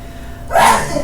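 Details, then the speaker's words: Single sneeze from an adult woman in the background a short distance away: after a quiet half-second, a sudden forceful burst of air noise fades quickly. "if you hear that that's my wife sneezing in the background"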